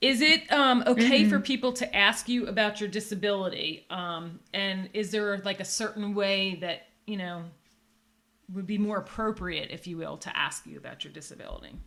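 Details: Adult woman speaking; typical speech.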